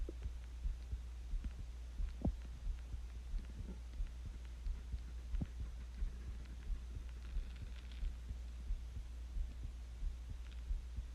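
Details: Own heartbeat recorded while sick with the flu: faint, somewhat irregular low thumps under a steady hum and hiss; rate hard to count.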